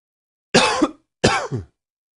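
Two short, harsh bursts close together, like a dry cough or throat clearing.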